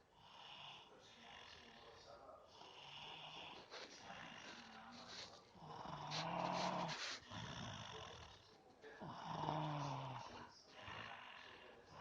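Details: Sleeping person snoring: soft, rough breaths with a few louder buzzing, groaning snores in a quiet room; snoring during sleep.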